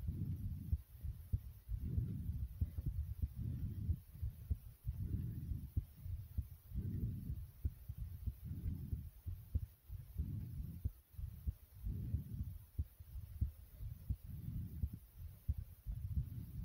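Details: Produced sound effect: fast, deep, thudding pounding heartbeat under rapid rushing breaths, a staged atmospheric heartbeat-and-breathing effect.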